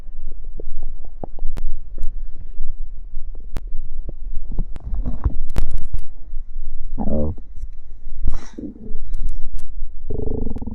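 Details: Stomach growling after drinking cider (fizzy drink): low gurgling, bubbling rumbles with scattered pops and clicks; active bowel sounds.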